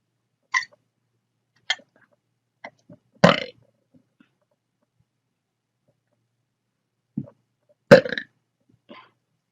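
Short sharp hiccup-like catches and a few louder, rumbling burps in a quiet room; hiccups and belching.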